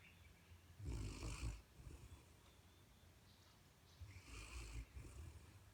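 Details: Pet described as a big snorer, asleep on his bed: two soft, low snorting snores with breathy rasp, a few seconds apart, against faint room noise; snoring during sleep.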